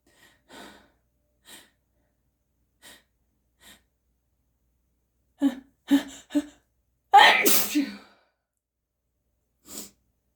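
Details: Forceful sneezes with increasing congestion: several soft pre-sneeze breaths, then a run of sneezes building to a forceful, wet, congested final sneeze.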